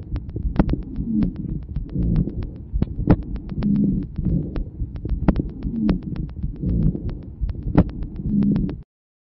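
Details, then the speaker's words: Rhonchi heard during expiration: a continuous, low-pitched, snoring sound with a fundamental frequency below 200 Hz, swelling with each breath. "sur cet enregistrement luron q c'est entendu lors de l'expiration s'agit d'un bruit continu dans la fréquence fondamentale est inférieure à 200 hertz"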